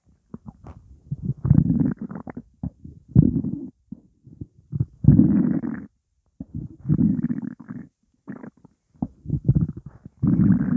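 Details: Hunger stomach growling (borborygmi), stomach holding only water: repeated low gurgling rumbles in bursts with quiet gaps between them.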